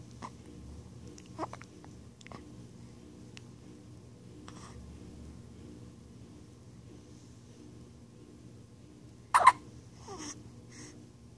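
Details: Newborn 9 days old with hiccups: faint, sharp, brief catches at irregular intervals over quiet room noise, one louder near the end; common, harmless newborn hiccups.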